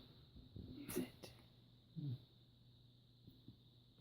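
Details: Hiccups from a person at the end of a birthday party in 2016: two brief, abrupt catching sounds about a second apart, with soft breathing in a quiet room.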